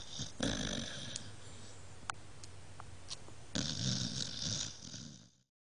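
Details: Sleeping dog, no longer allowed in bed because it snores too loudly: two loud, rough snoring breaths with quieter breathing between; heavy snoring.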